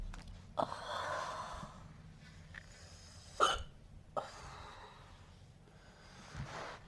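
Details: Burping that turned into an uncontrollable hiccup attack: sharp, abrupt hiccup sounds every second or so against a quiet room.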